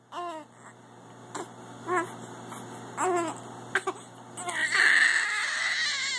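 Short, repeated wailing cries from an infant with gaps between them in a small room, rising into a louder cry at the end.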